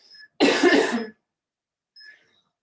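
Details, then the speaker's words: Adult fitness instructor coughing in the morning while leading a circuit-training class; the instructor attributes it to an HRT cough. One loud, harsh cough lasting under a second, with a throat-clearing quality. "Morning cough. I shouldn't do morning classes really because I sound so blooming unhealthy. My HRT cough."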